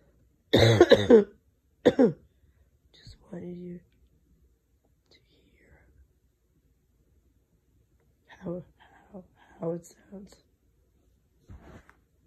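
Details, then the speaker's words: Adult with 8 days of laryngitis and non-stop coughing episodes, day and night: two harsh, rough coughs felt deep in throat and chest down to the ribs, then faint, whispery, weak-voiced sounds. "this cough is deep it's deep in my throat in my chest goes all the way down to the ribs"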